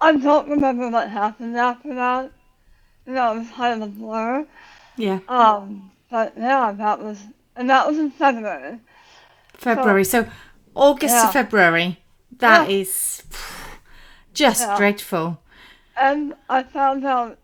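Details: Adult woman about 9 years after tongue cancer surgery with tongue reconstruction using a leg flap, plus radiation; had to relearn talking, worse when tired, some words she cannot say; speech articulation difference after glossectomy.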